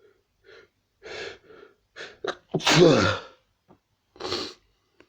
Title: lots of sneezes and sniffs